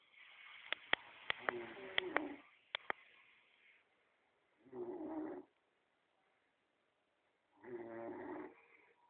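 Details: Snoring: buzzing, throaty snores on breathing in, a few seconds apart, after some sharp clicks and shuffling noise.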